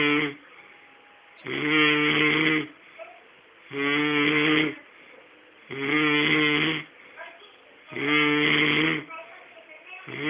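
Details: Man asleep in front of the TV: regular buzzing, vibrating snores on each breath, roughly 28 a minute, with quiet pauses between; snoring.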